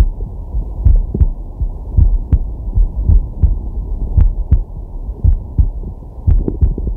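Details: Man's heartbeat and breathing via digital stethoscope on the chest while relaxing/sleeping: steady two-part heartbeat near 55 a minute under a low hum and soft breath noise; normal heart sounds.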